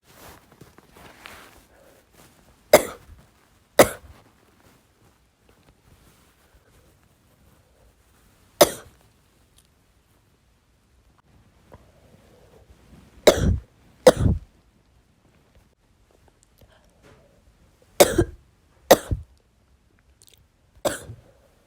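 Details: An adult woman with bronchitis coughing: eight harsh, forceful coughs, mostly in pairs with pauses between. Bronchitis cough.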